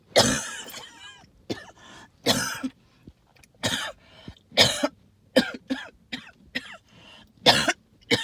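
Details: Lots of wheezing with some hacking cough, attributed to tree pollen and mold spores: short hacking coughs with whistling, tonal breath sounds between them; wheezing with cough.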